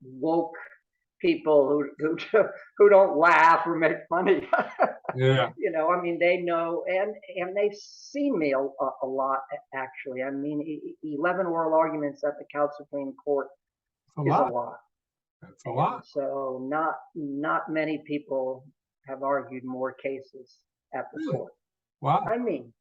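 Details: Real developmental stuttering in an adult man, a courtroom lawyer, who has stuttered since about age 2 or 3, with a family history of stuttering in his father and brother.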